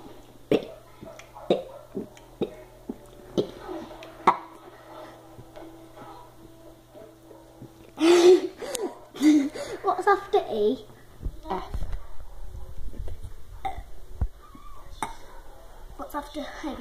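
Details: Person deliberately burping the alphabet: long, drawn-out burps shaped into letter sounds with light background noise; voluntary burping.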